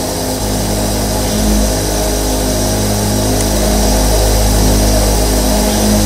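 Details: Steady low mechanical hum with buzzing drone and soft hiss from 13 nebulizers running continuously together, used as white noise for sleep; nebulizer running.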